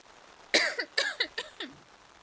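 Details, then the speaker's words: Adult woman with ongoing respiratory issues, whose throat is always giving her trouble, gives a short series of about five quick throat-clearing coughs. "But yeah, as you can hear, my throat is always giving me trouble. It just be like that."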